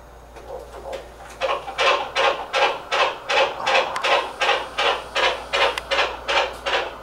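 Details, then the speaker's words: Fetal heartbeat at a 12-week ultrasound: regular rapid whooshing beats at about 159 per minute, a normal rhythm within the 120–180 range; baby facing down toward the back. "How fast is it? So that's a normal rhythm. Then based on the rhythm, it calculates how fast it is here. It's about 159 beats a minute. So 120 to 180 is normal."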